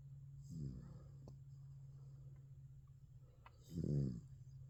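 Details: Light snoring from an American Bully bulldog puppy asleep and dreaming on its first night in the bed: soft, low, rumbling snorts on breathing in, about three seconds apart, over a steady hum.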